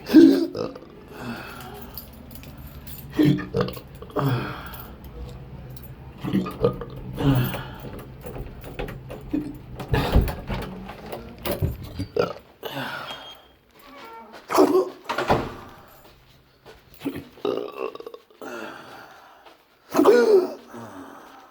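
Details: Abrupt, throaty gulping sounds every two to three seconds from a person with intractable hiccups since December 2015, alongside breathing and choking spasms of undetermined cause: persistent hiccups.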